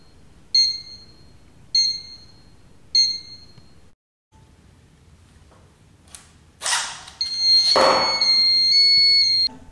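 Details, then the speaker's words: Redsense blood-leak sensor alarm unit: three short electronic beeps, then a louder continuous alarm tone with yellow light, signalling the sensor connector is disconnected from the alarm unit. "when the connector is disconnected from the alarm unit an alarm signal will sound and the yellow alarm light will"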